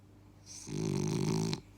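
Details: French bulldog snoring while asleep with eyes half open: one loud, rumbling snore on a drawn-in breath with a hissing, noisy airway sound.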